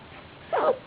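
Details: A dog wearing a new jumper makes a single brief, abrupt hiccup-like noise, which happens when she gets too much saliva.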